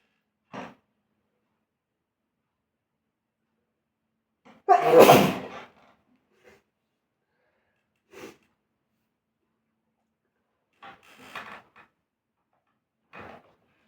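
One loud, explosive sneeze with a short inward breath before it, plus a few faint small sounds in a quiet room.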